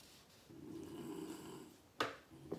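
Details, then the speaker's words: A sleeping pet dog snores while its owner tells it to stop snoring, with people talking in the background: dog snoring. "Molly, stop snoring. If the dog will snore for you. If you hear the snoring of the dog."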